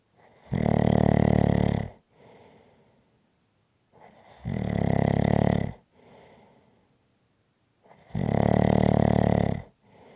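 Loud rumbling snores on each in-breath, about 15 a minute, with quiet out-breaths between; ordinary snoring.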